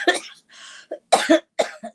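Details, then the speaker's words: Adult with a lingering cough that makes talking difficult, recorded during a live broadcast: a short run of about four harsh, moist-sounding coughs with a quick breath between them. "So this morning of all mornings, um, as soon as the participation stops, I have to quit because I'm finding it difficult to, uh, to talk without, uh, without coughing this morning."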